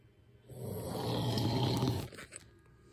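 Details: A single loud, rough, rumbling snore on inhalation from a sleeping husband, then quiet; heavy adult snoring.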